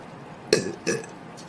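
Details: Burping by a female Korean streamer during a livestream: two short voiced burps in quick succession, close to the microphone.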